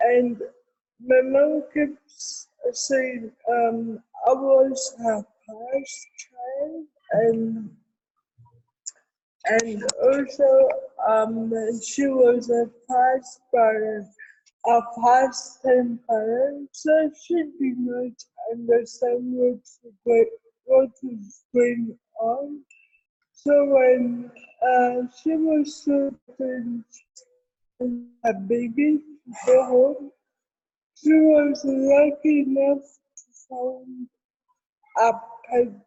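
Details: Adult woman with cerebral palsy; dysarthria.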